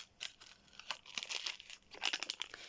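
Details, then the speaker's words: Crisp crinkling and tearing of a paper-plastic wrapper as a needle pack is opened after wiping the vial top with alcohol or povidone-iodine, during a gloved demonstration of drawing medication from a vial; opening needle packaging. "Ee sildikten sonra Filo konumu kenara bırakıyorum ve iğnemi açıyorum"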